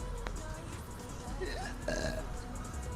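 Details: Woman burping on camera: a drawn-out, low voiced belch with music and room noise in the background; an ordinary burp.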